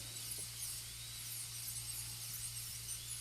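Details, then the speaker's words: High-speed dental drill cutting grooves from the embrasures in a full gold crown preparation on tooth 30; continuous high-pitched whine while cutting, over low room hum. "we'll try a couple of test cuts just to see if we think we're going to get the grooves in about the right place."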